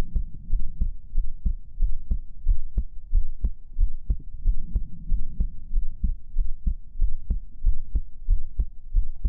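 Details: Steady, regular low heartbeat thumps at about 92 beats a minute with a soft low hum behind, an ASMR heartbeat recording for relaxation and sleep.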